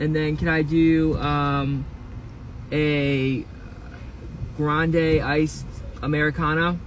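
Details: Adult man who has stuttered for 25 years, ordering at a drive-through; an 'um' and hesitation before words; stuttering.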